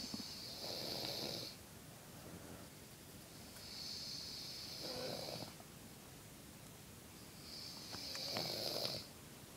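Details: Mother snoring while asleep: slow, regular breaths with a hissing, fluttering rasp on each one, about 16 a minute.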